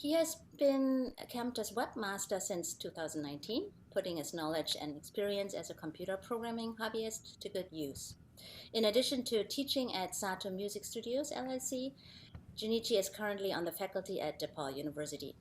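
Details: Adult woman; normal voice.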